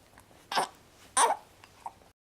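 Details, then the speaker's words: A baby boy with hiccups makes two abrupt, short voiced gulps about a second apart. "ryan has the hiccups hi my little man you're mommy's little man got the hiccups today's our first day without dad we're doing okay so far"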